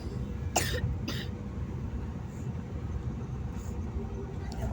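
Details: Two short coughs from an adult, with steady traffic noise in the background; cough.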